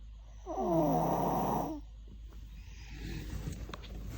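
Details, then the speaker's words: 5-year-old girl snoring in sleep, recurring and reportedly worsening, family worried it is abnormal: one loud, rough, vibrating snore on a breath, then quieter breathing with room noise. "if there's any doctor in the house please help us. This noise is getting too much. This is not the first time. This is not the second time."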